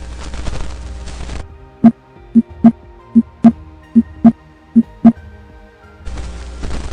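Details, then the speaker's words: Normal heart sounds at the aortic auscultation focus (second intercostal space, right parasternal line), with regular lub-dub at about 75 beats a minute, recorded by medical students for a physiology demonstration. "Comencemos con el foco de auscultación aórtica, el cual se localiza en el segundo espacio intercostal, línea paraesternal derecha, más o menos a este nivel."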